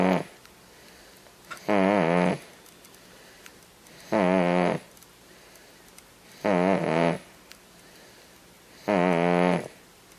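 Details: Five-month-old infant snoring.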